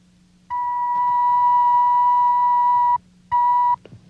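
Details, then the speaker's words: Dramatized TV medical series: at an otologist's office, an adult male patient with hearing difficulty wears earphones for audiometric testing after a Weber test; a sample audiometer pure tone, a steady beep of about 2.5 seconds, then a shorter one. "First, a set of earphones is adjusted to the patient's ears, and he is asked to listen carefully. A sample tone is given him like this."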